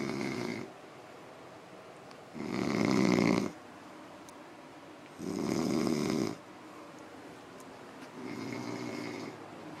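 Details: A man described as drunk snoring heavily: loud, rough snores on each breath in, about every three seconds, roughly 20 a minute, with quiet breathing out between.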